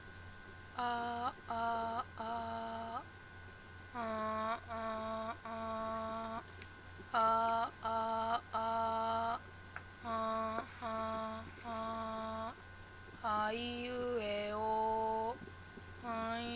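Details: Imitated hypernasal speech, demonstrated alongside normal speech during endoscopic examination, with the velopharyngeal port wide open in hypernasal speech and closed in normal speech; cleft palate/velopharyngeal dysfunction assessment context.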